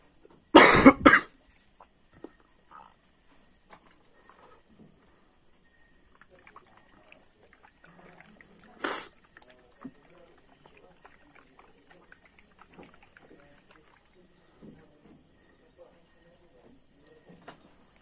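Two loud, harsh coughs at the start and a single cough later, with quiet room noise between.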